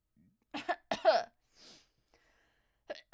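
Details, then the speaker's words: Two or three harsh, voiced coughs in quick succession, then a breath; a short throat-clearing cough fit from an adult non-smoker who felt something stuck in the throat. "Well, I just had a smoker cough. Did you guys hear that? I felt something stuck in my throat."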